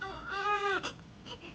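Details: Single short, clear wail rising then falling in pitch, then soft fussing, from a newborn boy just delivered after induction at 38 weeks for preeclampsia.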